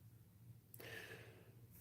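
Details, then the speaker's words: Adult man who says that when he quit smoking he needed an inhaler, nebulizer and oxygen, with past polyp surgery: a single abrupt, breathy cough over a steady low room hum, which he calls good compared to most. "Listen to this. That's just that this is a good cough compared to most. I got to quit."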